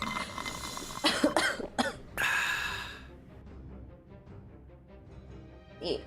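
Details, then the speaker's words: Adult woman with illness, after taking medicine, gives a quick run of three sharp coughs then a longer rough outbreath over soft background music; cough. "But every few every few minutes I have been muting myself just to cough [laughter] so you guys don't hear that."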